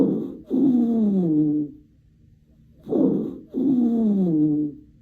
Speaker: wheezing key word here is musical it's a continuous sound produced by narrowed Airways think wheezing whistle like a musical